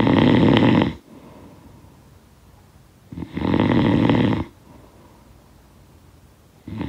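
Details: Regular rattling snores on breathing in, roughly 17 a minute, separated by soft exhalations; ordinary snoring, sound-effect recording.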